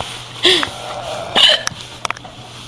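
Two sharp voiced bursts about a second apart with brief clicks after, fitting hiccups against faint room noise.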